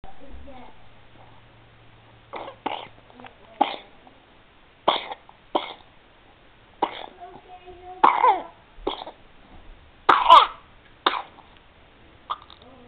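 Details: An infant with a first cold gives about ten short, separate coughs at irregular intervals, with small fussy sounds between them.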